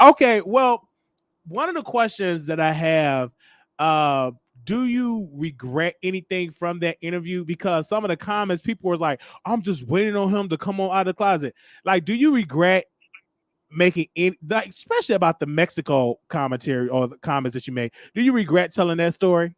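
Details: Adult speaker, likely male; ordinary speech.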